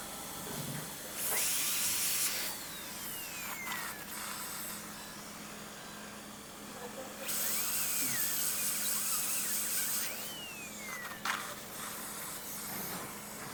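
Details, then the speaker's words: Dental drill whine starting and stopping over room hum, removing dead decayed material from a large caries cavity in a molar behind the carnassial tooth of a 6-year-old Labrador, before a composite filling. "So you can see this uh that I I'm I'm going inside and from inside this little dome shape inside a little more and I'm trying to remove whatever the dead portion of the teeth is there the material inside."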